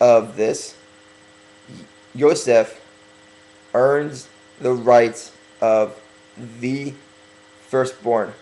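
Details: Stuttering in a speaker who is working on correcting it by deliberately talking slower.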